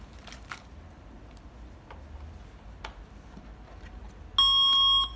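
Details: Quiet room noise, then a loud, steady electronic beep as an automated external defibrillator (AED) powers on during a CPR/AED how-to demonstration; normal AED power-on beep.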